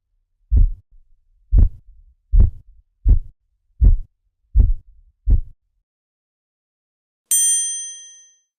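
Seven low tapping thumps at about 80 a minute, then a bright ding: Korotkoff sounds during blood pressure measurement.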